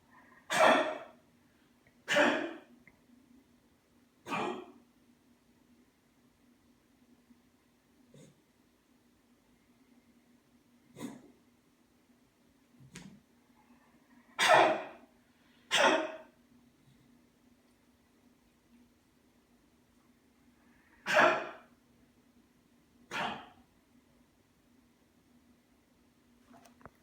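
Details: Dog coughing in short bouts of about seven harsh, forceful coughs, with a steady low hum behind.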